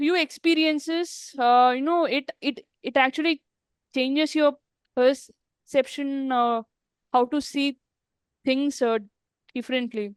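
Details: Woman who stammers, speaking in an interview with word and part-word repetitions; stuttering.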